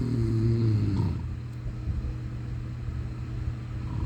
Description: Sunday 4-10-23 Morning of Easter sunday was sleeping and snoring 😴